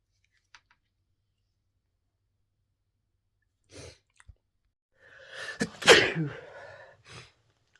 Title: More various cold sneezes